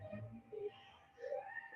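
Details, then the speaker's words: Seriously ill child with altered appearance on the pediatric assessment triangle, not opening eyes or interacting with those around, gives low, drawn-out moans. "es éste se queja se queja y éste no éste llega a abrir los ojos no llega a interactuar con las personas que están alrededor no entonces claramente es una apariencia alterada"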